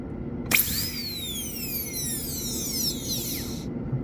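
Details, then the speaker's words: High-speed dental handpiece whine spinning up and shifting pitch while cutting a maxillary first premolar class II DO amalgam preparation on a bench typodont, cutting the occlusal surface first to round the outline; drill stops. "by doing so you can um you can avoid making a huge undercut because by cutting the cover surface first you can Define the outline [Music] better"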